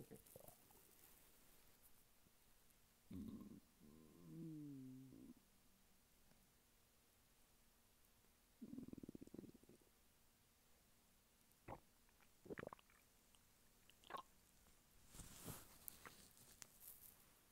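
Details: Stomach rumbling from hunger in a male lying flat on his bed: several gurgling, squeaky rumbles and short bubbling pops in a quiet room, ordinary borborygmi.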